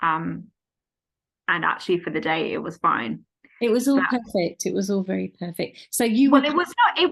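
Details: Adult woman speaking; aphasia.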